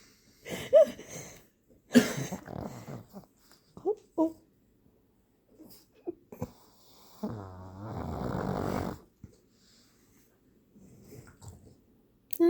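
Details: Sleeping female Pug, relaxed in the owner's arms with her long tongue hanging out, snoring with snorting, rattling breaths and quiet gaps between them; snoring.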